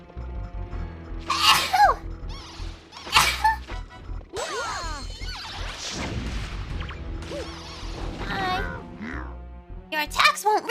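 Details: Sneeze during a livestream while playing Mario Galaxy, with cute sounds.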